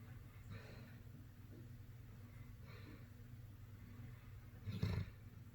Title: Dog snoring- Blu